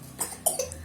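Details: Young child (Vano) gives a few quick, short coughs in a small quiet room and seems about to vomit; milk spilled, possibly from drinking too much milk; cough.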